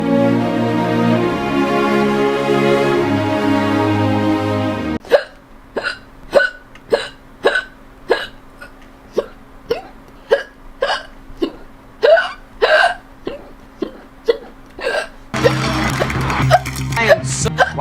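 Series of sharp, abrupt voiced hiccups, about 18 in ten seconds at uneven spacing, with music before and after; repeated hiccups.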